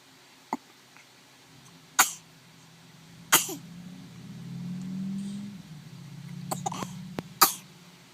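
Short, sharp hiccup bursts recur irregularly, some close together, with a faint baby fuss between them: ordinary infant hiccups.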